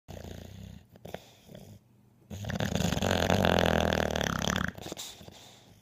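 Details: One loud, long, rattling snore lasting over two seconds, between short rough breaths and quieter breathing: snoring.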